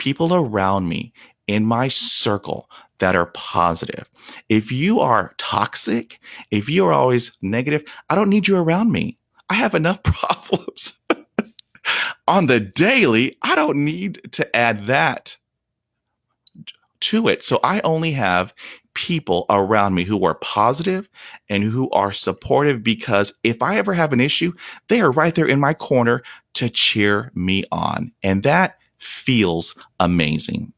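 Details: Stuttering in a 48-year-old man, stuttering for 43 years since onset at age five after a dog attack (shock/trauma), with blocks, trouble on S, H and P sounds, facial tics and not breathing during blocks; unedited speech; stuttering.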